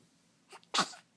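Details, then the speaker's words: Repeated sneezing: a brief inhalation followed by one sharp, explosive nasal burst, a single sneeze in a run of many, with the onlooker saying bless you. "holy smokes whoa that's a lot of sneezing that's a lot of sneezing"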